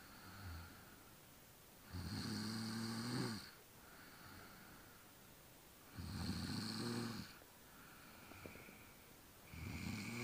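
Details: Slow, rattling snores on each breath, roughly four seconds apart, with quieter breaths between.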